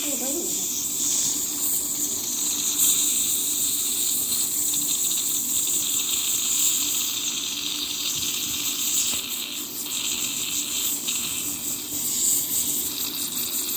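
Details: Steady high-pitched hiss and whine with gurgling suction throughout: ultrasonic scaling and polishing of a patient's teeth by a dentist during a dental cleaning.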